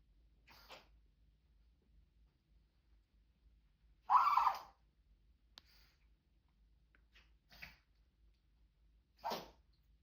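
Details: Pomeranian dog sneezing: one strong, forceful sneeze among a few softer snorting sneezes and sniffs; ordinary canine sneezing.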